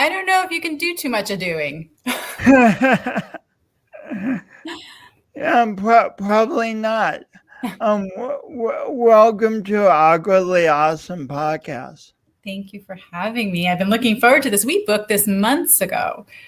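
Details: Adult speakers in conversation; typical speech.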